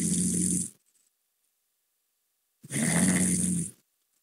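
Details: Two long, rough, rattling snores with a deep vibrating tone separated by a quiet pause; loud snoring.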